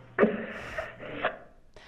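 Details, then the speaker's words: Stertor in a bulldog, used as an example in a pediatric respiratory distress lecture: a low, rattling, snore-like breath from obstruction above the voice box, in the nasopharynx. "Stridor is more of an obstruction of your nasal pharynx. It's like snoring, okay?"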